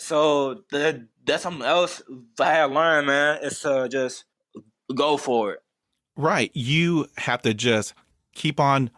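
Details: Stuttering in an adult man who has stuttered for as long as he can remember.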